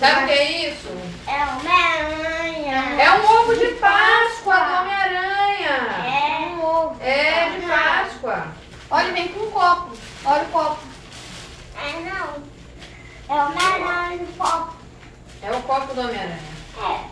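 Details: Young child; child speech.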